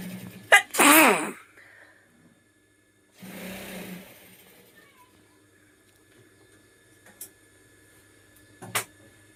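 A sharp intake then a loud single sneeze, followed by a softer exhaled sound and faint clicks; an ordinary sneeze.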